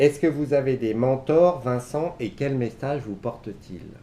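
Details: Adult speaker; typical speech.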